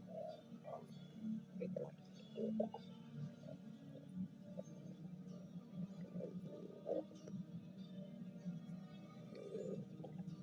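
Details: Stomach growling (borborygmi).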